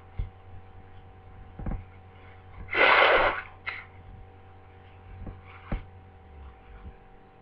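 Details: A flu sneeze: one sharp, explosive sneeze, then a brief sniff, against a steady room hum.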